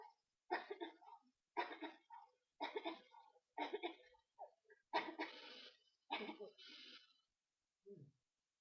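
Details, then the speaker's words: Person with Tourette syndrome whose tics go along with OCD, with long periods of violent movements and obsessive thoughts: repeated abrupt vocal bursts like coughs, grunts and throat clearing, a run of vocal tics. "I have it different in a way where it more goes along with my OCD, and I have these long, just really long periods of having movements and having obsessive thoughts."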